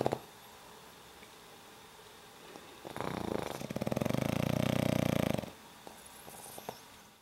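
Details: Black pug snoring while asleep: a low, fluttering, throaty rattle builds over a few seconds during breathing; another pug sleeping off camera may also be heard.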